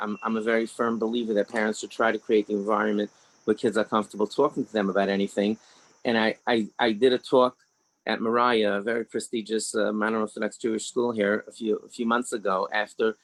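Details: 61-year-old man, an orthodox rabbi, who rates his own stutter as mild (about two or three out of ten), with word repetitions; stuttering.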